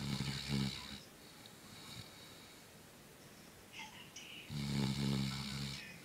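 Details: Snoring in a sleeping 8-month-old black Labrador: two loud, low, rattling snores separated by a quieter stretch of breathing.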